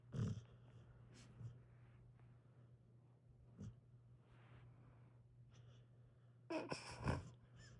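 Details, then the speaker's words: Sleeping Australian Shepherd dog with tongue sticking out: soft, steady low rumbling breaths with a few snorts; owner jokes he needs a CPAP; snoring. "My man needs a CPAP. Oh my gosh."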